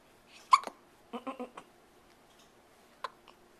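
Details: Young child with hiccups, whole body moving with each one, recorded on a Flip Video camcorder: several short, abrupt voiced hiccups, some in a quick cluster, in a quiet room.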